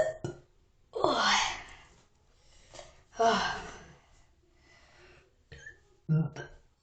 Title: Burps every where part 2